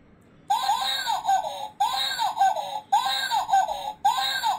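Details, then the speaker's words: A short electronic melody repeating about once a second: a baby urine (bedwetting) alarm triggered when water was poured on its sensor pad in a demonstration, continuing until wiped dry. "যে এটার ভিতরে যখন আপনার negative পজিটিভটা এক হয়ে গেল তখন এই শব্দটা হতে থাকবে।"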